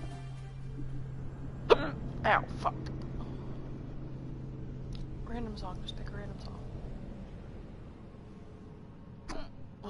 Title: Girl has painful hiccups